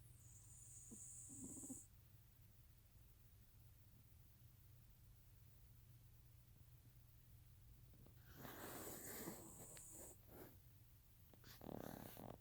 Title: Maya is snoring